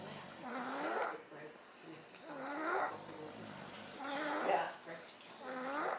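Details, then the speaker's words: Two sleepers snoring together: soft rhythmic snorting snores, about 34 a minute, each breath with a fluttering, rasping tone. "Who's snoring? Both."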